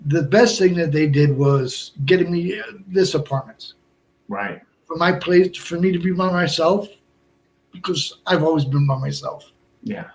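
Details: Adult man, about 57, with Broca's aphasia from a stroke at age 46 (March 2011), over 8 years post-onset; also a heart transplant recipient; limited speech, effortful word finding, more difficulty with verbs than nouns; Broca's aphasia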